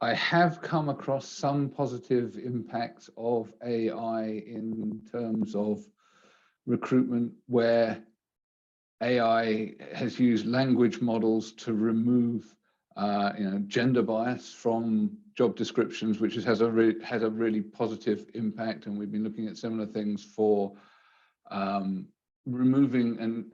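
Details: Adult man; normal speech.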